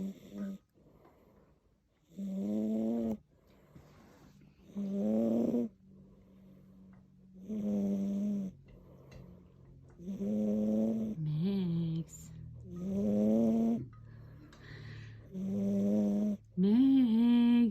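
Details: Chunky, overweight cat snoring loudly: humming snores on each breath, about six in under twenty seconds, with quieter breathing between them.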